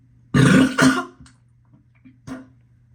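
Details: Morning nausea with gagging: two loud, rough, throaty belches followed by fainter gulping sounds; burping.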